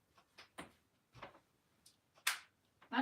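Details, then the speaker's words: Adult moving joints: several short, sharp cracking and popping sounds at irregular intervals, self-described as air in the joints; joint crepitus. "my bones guys that's snap crackle pop well it's my joints it's called crepitus it's actually the air in my joints when i move i sound like breakfast cereal"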